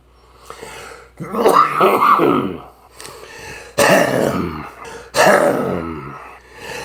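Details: An adult's repeated coughing, from a coughing compilation: three harsh, voiced coughing and throat-clearing bursts with groaning tails, in a small room.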